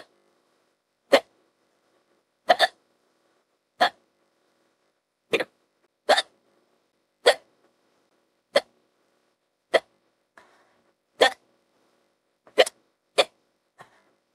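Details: Simulated, AI-made female character hiccups, audio extended with added hiccup clips: sharp, brief gulping bursts about every second, roughly 13 in 14 seconds; hiccups.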